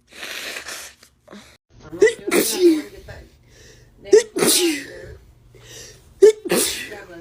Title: Cute Girl Sneezing 44